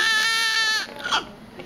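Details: A single strong, high-pitched wail from a 7 lb newborn girl in the delivery room that breaks off into quieter room sounds; vigorous newborn cry right after birth.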